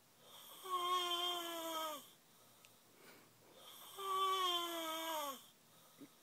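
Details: Snoring: two long, high-pitched whistling snores on the breath, separated by quiet pauses; tonal snoring.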